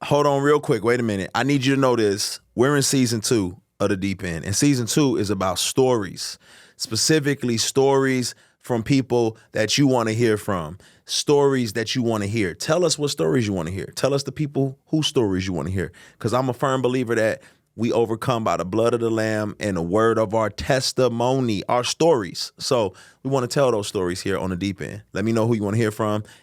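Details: Adult male speaker; ordinary speech.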